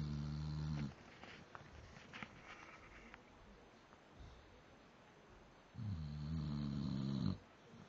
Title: mans guardian snoring